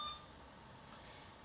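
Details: Infusion pump (Alaris) being programmed in practice for a heparin guardrail drug in a critical care setting: a single short electronic beep as a key is pressed, then quiet room noise.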